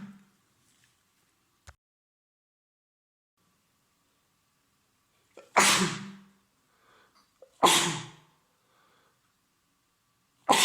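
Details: Adult man on day three of a common cold, congested with a runny nose and sore throat: three forceful, explosive sneezes a few seconds apart in a quiet room. Repeated sneezing.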